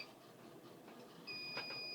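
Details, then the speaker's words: Quiet handling, then a steady high electronic tone as an IV infusion pump is switched on to check macro or micro drip mode, in a training demo. "so i want to turn my machine on to find out if it's in macro or micro"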